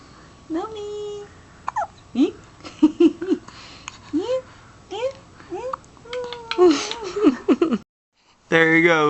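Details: Six-day-old baby girl with hiccups, which happen every time after feeding: repeated short, abrupt squeaky catches in her breathing with soft fussing; newborn hiccups.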